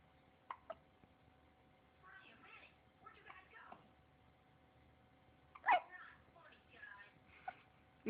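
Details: Hiccups: short, sharp gulping catches at irregular intervals, with quiet murmuring between.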